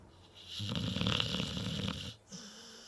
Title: More silly snoring